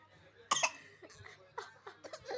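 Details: A child's few short, sharp coughs with quiet pauses between them; an ordinary cough.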